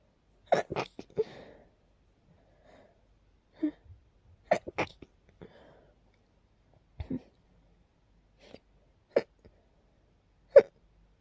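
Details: Dust-triggered sneezing while cleaning a long-uncleaned, very dusty part of a room: soft, short sneezes, some in quick pairs, with quiet gaps between; a mild sneezing fit.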